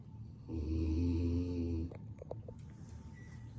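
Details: Female dog asleep: one loud, deep, buzzing snore, then quiet breathing with faint room sounds; snoring.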